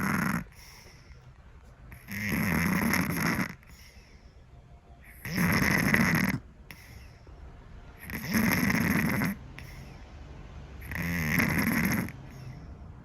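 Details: Sleeping Scottish Fold cat snoring loudly: loud, rasping, regular snores, about 21 a minute, with quiet pauses between breaths.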